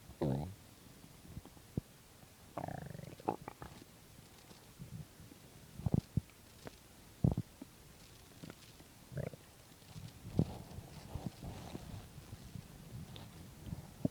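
Quiet background broken by intermittent low gurgles, squeaks and rumbles from an empty stomach: ordinary bowel sounds.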